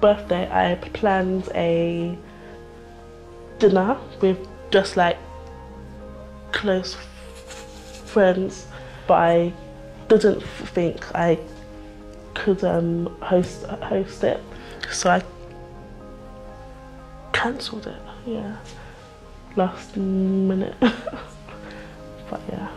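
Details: Stammer (stuttering) in a woman nearly 25 years old.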